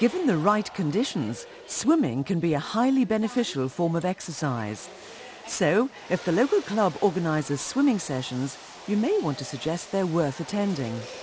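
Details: Adult narrator; typical speech.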